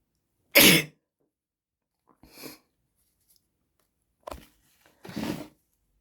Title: REALLY SNOTTY! Sneezes, blowing nose, and handkerchief